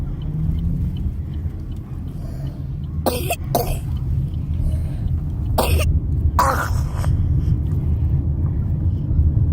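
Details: Adult gives about four short, harsh coughs in two pairs over a steady low engine rumble, as inside a moving vehicle; cough.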